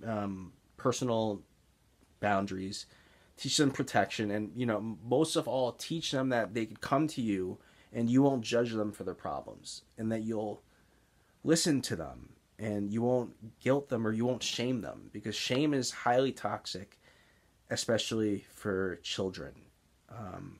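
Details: Stuttering (speech blocks) in an adult man with Tourette's syndrome, with blocks heard as excess pausing mid-sentence, which he says are involuntary; real blocks while speaking.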